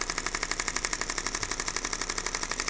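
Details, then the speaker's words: Chiropractic shockwave therapy applicator at setting about 2.1 on the foot of a patient with bilateral plantar fasciitis: rapid, regular mechanical clicking pulses, about twelve a second. "So instead of like traditional therapies where we're trying to heal the tissue, this one we're trying to just hit the tissue with a lot of force and help it adapt."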